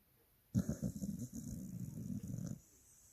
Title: Dogs loudest snore 🐕👃#doglover #dog #snore